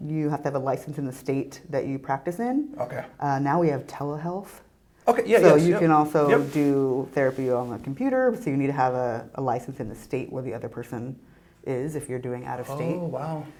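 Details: Adult woman speaking, with brief interjections from a second person; normal conversational speech.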